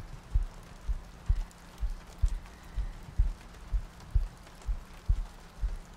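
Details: Heartbeat in an ASMR sleep-aid loop with rain ambience and soft breathing: soft, regular, low paired thumps at about 63 beats per minute over light rain.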